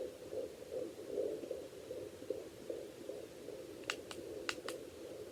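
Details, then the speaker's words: Fetal heartbeat heard on a home fetal Doppler used by a pregnant woman on herself with hand sanitizer instead of gel: soft, rapid whooshing pulses at about 150 beats a minute. "and they go basically just heard her heartbeat so I just used a lot of tissue everywhere Dave just to wipe it all off especially all the gel but yeah you basically heard her um heartbeat just take a while just to figure out if it's her heartbeat or it's yours"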